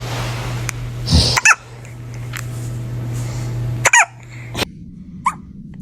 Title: Newborn hiccups #funny #fouyour #tiktok #cute #baby